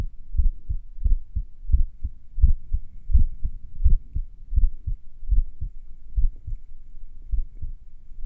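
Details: Own heartbeat a few minutes after finishing morning exercises: low beats around 85 a minute with uneven gaps between beats; sinus arrhythmia during recovery, a normal variation.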